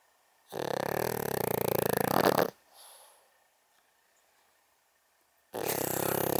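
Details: 11.5-year-old senior female pug snoring loudly while asleep and dreaming: a rough, rattling snore on a long breath, a quiet pause, then another snore starting.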